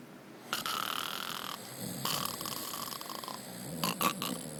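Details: Harsh, hissing, rattly snoring with a few snorting bursts toward the end.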